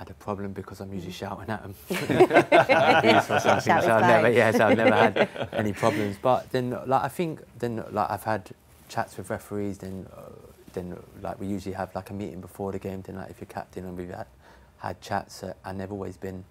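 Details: Stammering in an adult man who sometimes starts a word and switches to another.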